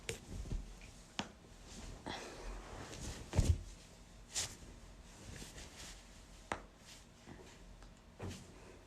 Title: back/knuckles/toes cracking compilation